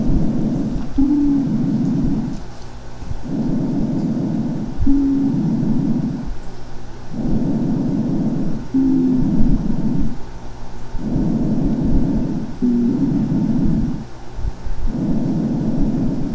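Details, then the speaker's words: Teaching auscultation recording of amphoric breathing from hollow, not yet fibrosed cavities in resolving tuberculosis: hollow, low-pitched, jug-like breath sounds at about 15 breaths a minute. "este soplón fólico suena así es que bonito hola ok y lo ponemos nuevamente"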